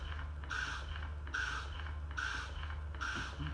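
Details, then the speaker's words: Hygeia EnDeare electric breast pump tested while double pumping through a pressure gauge on its lowest setting, reading about 100 mm negative pressure; steady whirring with rhythmic suction cycles about 70 a minute and audible hissing air; breast pump running. "so you can see we're getting about a hundred millimeters of negative pressure our pump is on its lowest setting so keep an eye on the gauge as i increase this you'll actually hear this air that's kind of hissing"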